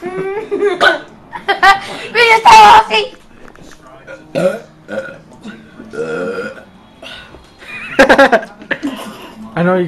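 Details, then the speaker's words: Several loud, drawn-out burps forced on purpose during a burping contest, between voices and laughter; ordinary burping. "all right this is a burping contest shut up a burping contest"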